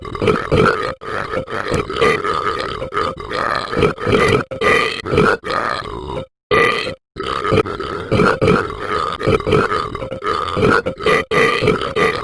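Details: Person burping: a long run of loud, deep, repeated burps, about twenty in twelve seconds, with only brief pauses between them.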